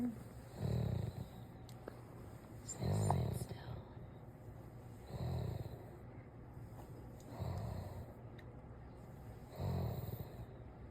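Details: A sleeping Doberman snoring with her eyes rolling back: low, rumbling snores about every two seconds, around 27 breaths a minute, over faint background noise.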